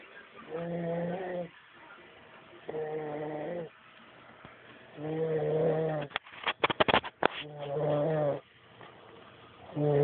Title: Snoring